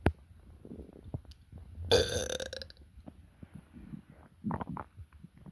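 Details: Adult belching during an upset stomach: a single loud, deep, drawn-out burp amid soft, low gurgling stomach sounds.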